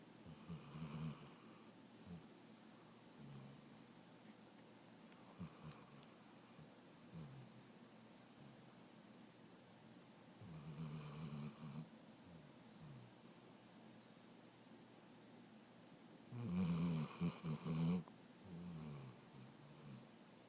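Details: Weimaraner sleeping on her back on owners' laps snores in soft, irregular rumbling bursts with quiet gaps, ending in a louder snort-like snore; happens only occasionally.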